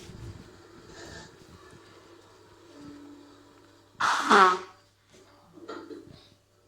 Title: I sneeze as I watch The Green Mile